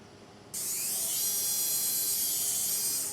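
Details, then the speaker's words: 68-year-old man with disc protrusion and bone spur pinching the nerve below a prior lumbar fusion, right-sided leg pain, during Lumbar Endo Spine Surgery (LESS): quiet room, then a steady high-pitched whine of the endoscopic drill heading toward the disc. "This is how you control the drill. It's like a pencil."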